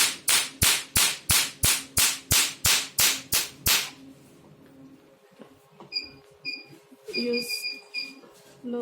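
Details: Rapid, regular sharp snapping pulses, about three a second, then quieter room sounds: a handheld pico laser firing at low energy with its 1320 nm "black doll" tip during a demonstration.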